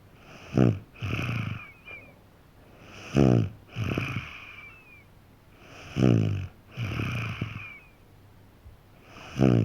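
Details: Snoring in a sleeping 3½-year-old boy: regular snoring, about 22 breaths a minute, with rough inbreaths and whistling on each outbreath.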